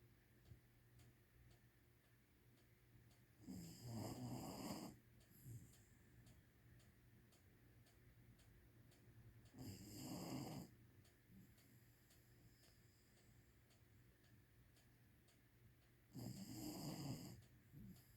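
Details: Snoring during sleep: soft rattling snores recur about every six seconds, roughly ten breaths a minute, over a steady low room hum; ordinary snoring.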